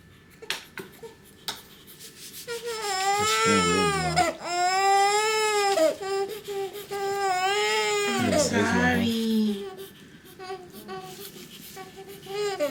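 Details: Loud, tonal wailing cry bursts with gasping breaths between them from a newborn boy in his first 24 hours after birth, in the hospital; a normal healthy newborn cry.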